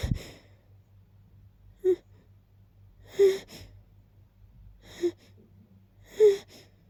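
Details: Four brief, sharp sneezes with short breathy pauses, about twenty a minute, after smelling and sitting near lilies: rapid sneezing.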